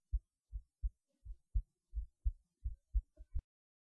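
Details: Heartbeat recorded through a cheap acoustic stethoscope: clean, regular low thumps at about 86 beats a minute.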